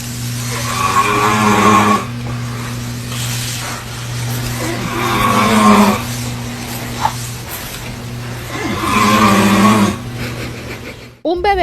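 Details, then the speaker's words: Baby in a crib cannot sleep and looks annoyed by his father's loud snoring nearby; loud snoring sound. "protagonizó una divertida escena porque su papá no lo deja dormir con sus ronquidos"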